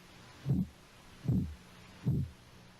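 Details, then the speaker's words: Korotkoff sounds heard by stethoscope at the elbow as the blood pressure cuff slowly deflates: three regular soft low thumps about 75 a minute, first sound marking systolic ~110; this patient's diastolic was about 62. "see when you see if we can determine when you first hear the heartbeat right about there 110 is the upper number or the systolic pressure for this individual"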